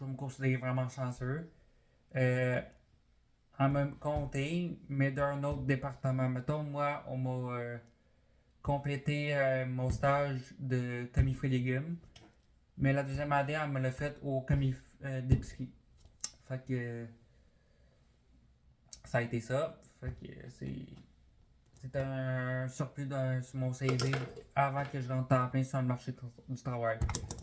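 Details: 20-year-old man, born deaf, with a cochlear implant fitted at age 3 and developmental language disorder (dysphasia); some words are very hard for him to say, and he had speech therapy for articulation.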